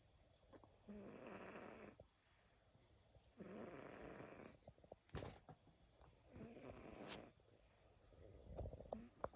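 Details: Sleeper snoring; three rhythmic, rattling snores on the in-breath, a few seconds apart, with quiet pauses between them.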